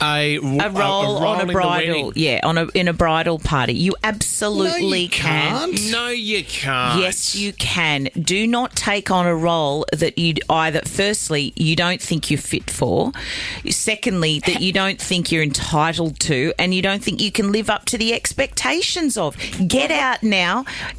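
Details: Adult male speaker; ordinary speech.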